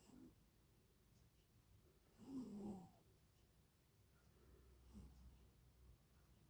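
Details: Cat in deep sleep snoring: one soft, rumbling snore on a breath in a quiet room, then fainter breathing noises.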